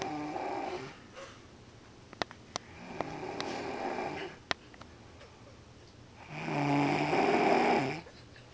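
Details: Repeated rattling snores on each breath, roughly every three seconds, with a few sharp clicks between, recorded on an airplane; snoring.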